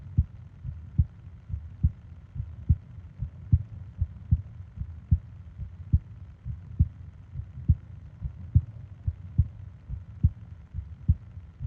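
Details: Steady, regular low thuds at about 70 beats a minute, each with a paired second sound, from a 20-minute ASMR sleep recording of heart and breathing sounds; normal heartbeat.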